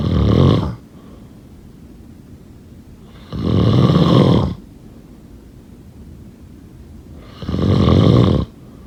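Loud, harsh snores about 16 times a minute, with quiet pauses between; steady background room noise.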